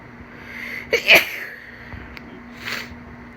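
A single sharp sneeze with a quick intake of breath before it, then a softer exhalation; sneezing with a cold.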